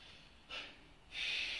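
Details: Two short hissing bursts of air through the nose, the second longer and stronger, like forceful snorts, from a person during standing manual-therapy decompression of the whole spine and neck.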